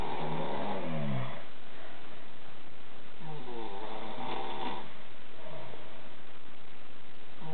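Loud, rough, low rattling snores recur in cycles of about every two seconds, with faint noise between them. Snoring.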